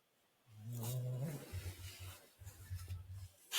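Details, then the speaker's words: Snoring from a dog asleep in a quiet room: low, rough rumbling sounds in repeated bursts. "Dog snoring. Yeah. Can you hear it? I thought it was them [ __ ] rat things coming back. No, it's a bloody dog."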